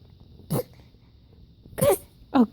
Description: 5 1/2 month old fake sneezing, cause well she thinks sneezes are funny!